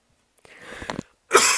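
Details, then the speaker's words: Person's "horrific cough": a short, rough throat-clearing cough, then a harsh burst of breath; cough. "and not those horrific coughs again"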